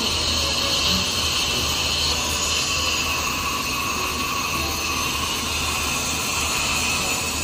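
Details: Dental drill during a cavity filling on a patient's top teeth after local anesthetic: steady high-pitched whine and hiss of the drill with suction running throughout.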